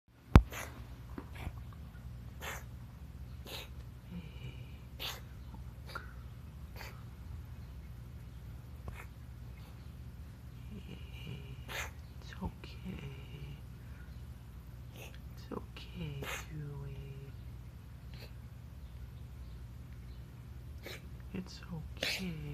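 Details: A small pet makes repeated sharp, snorting, wheezy breath noises over a steady low room hum, and the owner asks if it is okay. Wheezing.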